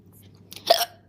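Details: A single abrupt, voiced catch in the throat over faint room hum, typical of a hiccup, from a woman during a loud hiccup attack.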